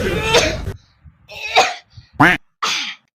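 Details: Acted cough in a comedy skit: an adult man said to have had a cough for several days gives four loud, harsh coughs in about three seconds, with short pauses between them.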